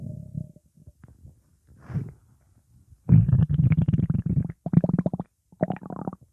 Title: 30 Minute Stomach Growling Sound Effect / Sound Of Stomach Gurgle / Upset Stomach Rumbling Sound